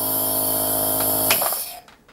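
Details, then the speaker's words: Home nebulizer with mask running diluted food-grade 3% hydrogen peroxide in saline for sinus cleansing; steady compressor hum with faint bubbling, stopping near the end. "so it's just bubbling through the peroxide solution now i'm gonna put it on and i'm gonna show you just sit quietly for about six to eight minutes"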